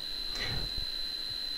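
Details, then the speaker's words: Simulated high-frequency tinnitus played at an audiology conference: a steady, piercing high-pitched whistle, the range where 80 percent of tinnitus occurs. "80 percent of the tinnitus are in the high frequency as this one"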